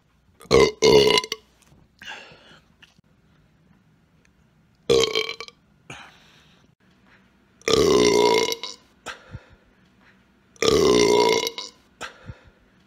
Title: Burp Collection 3